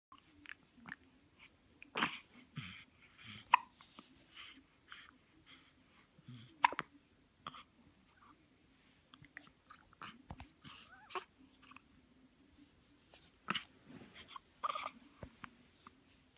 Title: hiccups